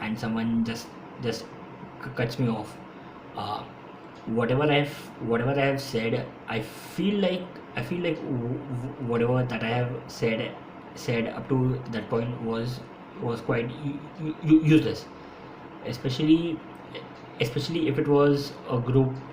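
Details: Adult man who has stammered since his school years; stuttering.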